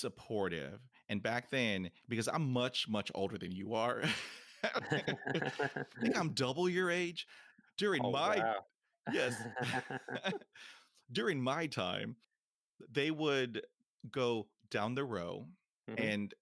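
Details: 28-year-old man who has stuttered his whole life, since about age three; stuttering.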